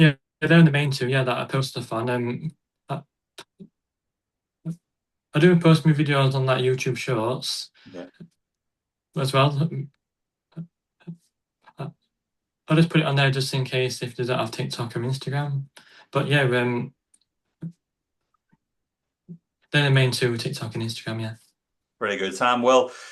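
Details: Adult who stutters, a stuttering advocate; real stuttering.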